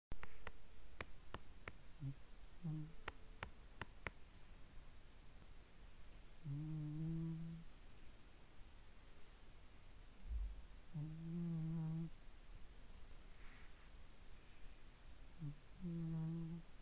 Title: Snoring cat